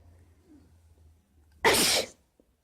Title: sneezing 2 20 03 18